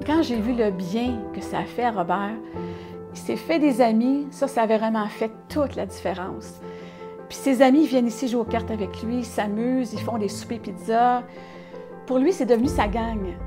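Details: Adult woman speaking French; Normal fluent speech.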